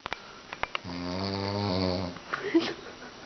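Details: Dog snoring, shared in comparison with an English Bulldog: a few clicks, then a drawn-out, buzzing, vibrating snore.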